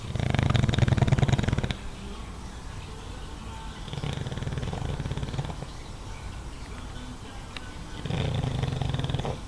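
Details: Dog sleeping in his favorite spot, moderate snoring, said to be about a third as loud as in deep sleep: loud, low rattling snores in long bursts, about three in ten seconds, slow breathing with fluttering airway.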